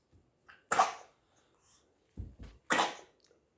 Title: Baby sneezing